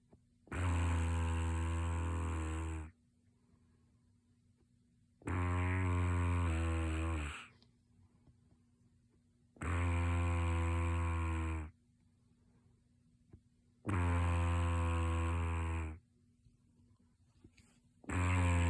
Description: Cracks me up! The culprit swears that they don’t snore!